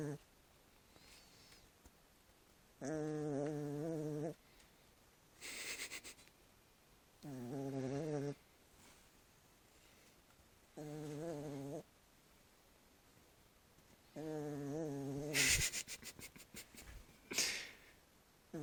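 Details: Chihuahua snoring in regular cycles: buzzing, tonal inhalations alternating with softer airy exhalations.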